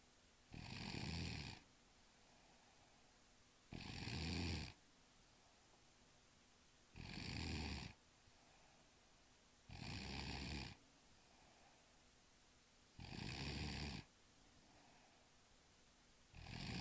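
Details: Person snoring: loud, regular rasping snores on each breath in, about 19 a minute, separated by quiet pauses.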